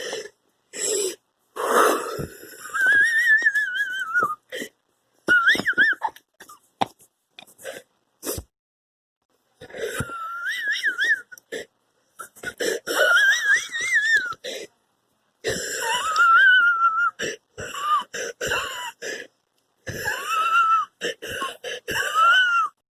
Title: Me wheezing like an idiot for 50 seconds